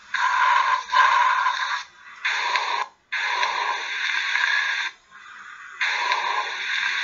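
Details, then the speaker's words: Loud, hollow, harsh bronchial breath sounds with clear gaps between phases, heard over the trachea and sternal notch; normal bronchial breath sounds played during a respiratory lecture. "bronchial lung sound you're going to basically hear those over the trachea and you also can hear them over the sternal notch"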